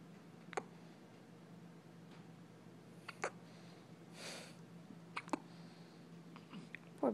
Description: My 2 week old baby girl has the hiccups